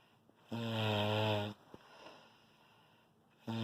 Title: snore loud